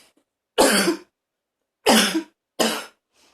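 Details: Person in a small bathroom feeling like vomiting: three loud, rough, forceful cough bursts, each strained and raspy with a retching edge, harsh cough with gagging.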